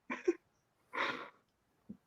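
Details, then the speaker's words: Distant single adult sneeze from a man upstairs with the door open, heard in the background of a livestream: a brief voiced intake, then an explosive noisy burst and a faint sound after. "that's my dad sneezing in the background that was never a man he's upstairs he's upstairs sneezing"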